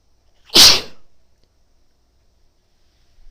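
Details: Single loud, explosive hissing sneeze from a woman, then quiet; part of a run of huge sneezes with nasal tickle.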